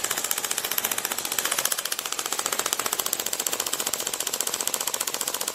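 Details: Rapid, regular sharp clicking pulses, about two per second, from a Storz Medical radial shockwave applicator treating stage 1–2 knee osteoarthritis in direct contact with the patient, not the first session.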